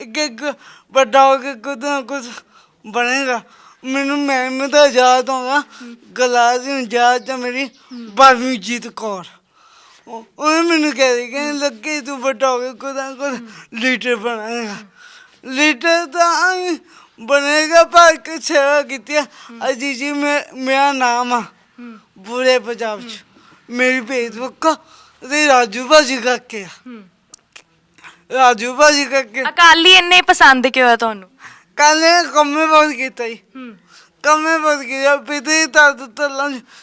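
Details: Stammering / impaired speech present since birth in a young Punjabi man with a disabled hand.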